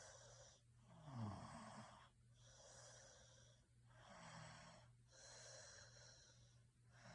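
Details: Rapid, regular noisy breath cycles with a low rattling buzz on some breaths over a steady low hum; snoring sounds for sleeping.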